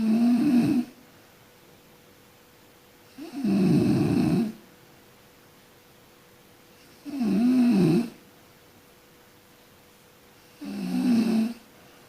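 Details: Loud, regular rattling snores about 17 a minute from a sleeping person, separated by quiet pauses, with a faint steady room hum; snoring.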